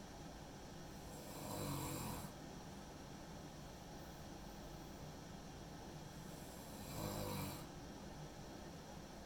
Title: Two minutes of snoring